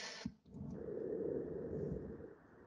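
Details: Tracheal sound recording from sleep-disordered breathing research: soft noisy inspiration breaks into a brief silence, then resumes as a loud, low, buzzing snore. Snoring with a brief inspiratory pause from momentary airway collapse.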